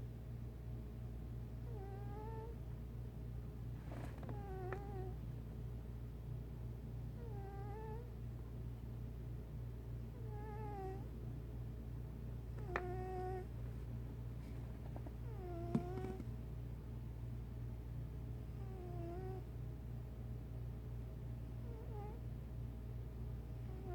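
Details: Sleeping 1-year-8-month-old male cat snoring with a soft low rumble and squeaky whistles, about 23 breaths a minute.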